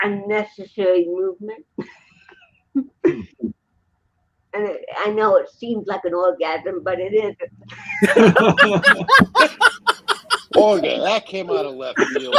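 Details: Dysarthria in an adult woman born in 1956 with congenital cerebral palsy, speaking in an interview; real, not acted.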